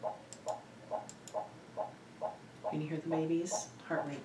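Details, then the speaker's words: Fetal monitor Doppler during a non-stress test: steady galloping heartbeat at about 140 beats per minute, with average variability of 6–25 beats. Normal fetal heart rate. "so I can see our heart rates in the 140s we can already see that there's average variability"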